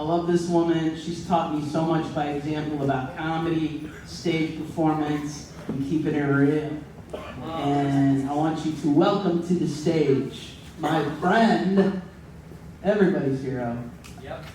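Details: Adult male speaker; normal speech.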